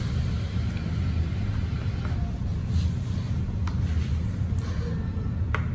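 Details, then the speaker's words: ResMed AirSense 10 CPAP machine running: steady low rumbling blower airflow with a few faint clicks. "now you select your therapy that ramp feature is off and your machine would gradually build up straight to your pressure of 8 that's prescribed to you"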